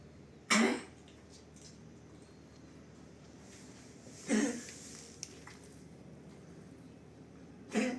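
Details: Pug with kennel cough (vomiting in first days, later recovered): three harsh, honking dry coughs spaced a few seconds apart.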